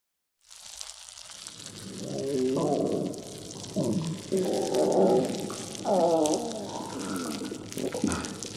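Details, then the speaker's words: Long, loud gurgling and rumbling with rising and falling squeaky tones from a stomach growling from hunger; borborygmi, a normal finding. "Sorry about the loud noise in there. I was so hungry. I never heard my stomach grow this loud."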